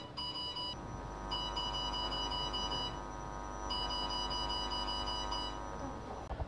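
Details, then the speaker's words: Bursts of rapid, high electronic beeps over a low room hum as the standby button is pressed on a CO2 fractional laser system after setting parameters, signalling the laser is ready to fire: laser ready beep. "Klik tombol standby yang menandakan pasal siap ditembakkan"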